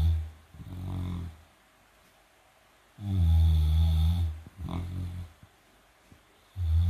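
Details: A 158-pound Great Dane–mastiff cross snoring while sleeping and dreaming: loud, deep, rattling snores in slow breaths with quiet pauses between them.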